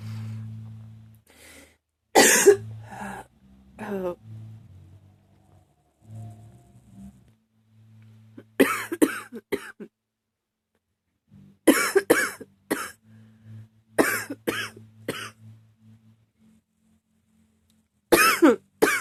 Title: # 27 never ending cough